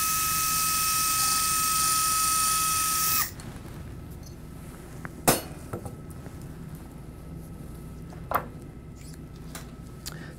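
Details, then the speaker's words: Stryker VariAx 2 plating of first tarsometatarsal joint: powered screwdriver whines steadily about three seconds then stops, followed by sharp metallic clicks, driving a screw. "as the screw goes down you can see uh very nice uh Contra ability of the plate we'll go and put another screw in"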